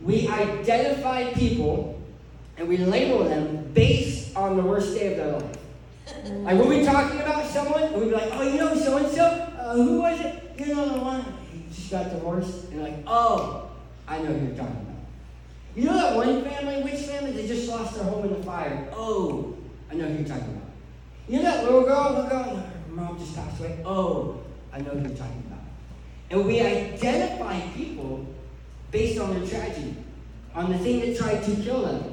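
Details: Adult man who lost 80% of his tongue to cancer, with a permanent articulation impairment after partial glossectomy.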